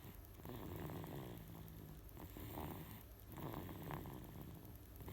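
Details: Sleeping baby snoring: soft, rough, low breathing noises recurring with each breath, heard over steady room noise.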